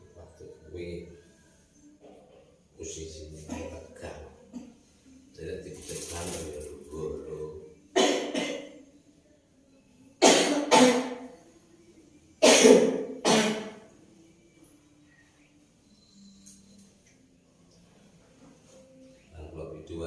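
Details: Woman with a persistent, long-unhealed cough during a traditional massage: several harsh coughing bursts between quiet talk and room sounds.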